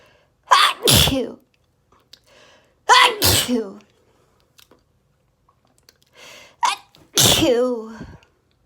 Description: Allergy rapid desperate sneezing fit! (It was insane)